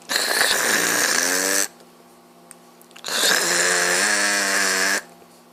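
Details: Sleeping father snoring beside a smiling baby: two long, loud, harsh rattling snores on the in-breath, about three seconds apart, with quiet between; heavy snoring.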